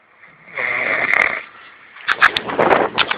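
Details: A loud, rough, fluttering snore on one breath, then a second, choppier snorting snore; napping, ordinary snoring.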